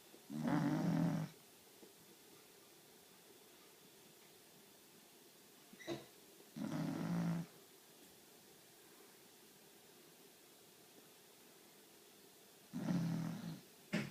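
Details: Sleeping pet dog snoring: slow, rough rumbling snores about one every six seconds, with quiet pauses between, in a quiet room.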